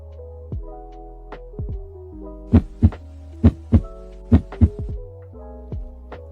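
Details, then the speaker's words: Normal heart sounds in a biology lesson: regular paired lub-dub beats at about 66 a minute over soft background music, produced by heart valve closure; normal rhythm. "do you know what causes this lub-dub sound well the laptop sound is the sound of the closing sound of the valves in the heart"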